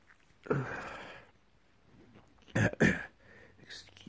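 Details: Adult with a cold, resting in bed: a sharp sneeze, then two quick sneezes close together, a short sneezing fit in a quiet room.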